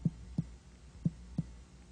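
Four sharp finger taps in two pairs, each with a brief hollow, drum-like ring: normal tympany over the stomach.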